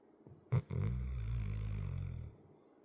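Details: Sleeping 100 lb dog with a chronic crusty nose, snoring: a short snort, then one long, deep, rumbling snore.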